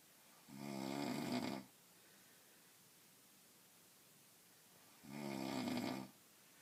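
Two long, rattling snores on breathing in, about four seconds apart, with quiet pauses between.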